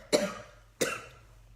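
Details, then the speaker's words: Two short, harsh coughs about 0.7 seconds apart from an adult woman after waking in the morning, a congested-sounding cough she links to sinus congestion, in a quiet room. "excuse my cough. I wake up and I sound like an old man because we have just junk happening in our sinuses."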